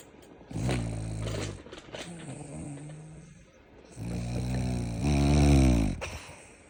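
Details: Snoring French Bulldog: deep, grunting, rattling snores a few seconds each, with noisy breathing between, while asleep.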